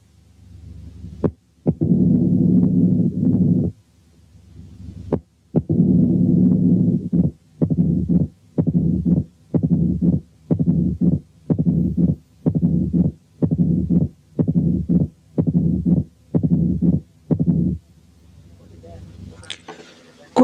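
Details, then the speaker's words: Mitral stenosis replayed slowed as if heart rate 15 a minute, then gradually speeding up: sharp accentuated first sound and opening snap clicks with long low mid-diastolic rumbles and presystolic accentuation. "كمان زيادة في التأكيد هنسمع حالة تانية فيها كل الفايندنجز دي بس بالسرعة البطيئة كما لو كانت الهارت ريت 15 في الدقيقة وبعدين هتزيد بالتدريج."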